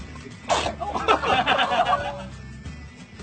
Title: Funny baby sneezing moments 🤣 - part 3 #shorts